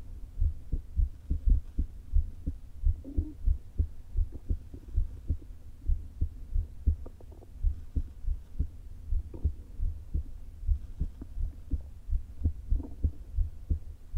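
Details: Woman recording her own heart through a low-placed stethoscope, with atrial fibrillation and a leaking valve before open heart surgery: fast, uneven, irregularly spaced heartbeat with faint stomach gurgles; atrial fibrillation.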